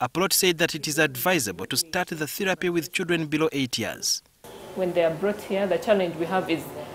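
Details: Adult speaker; ordinary fluent speech.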